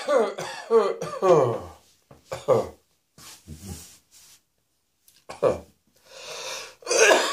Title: Cross Dressing Coughing 58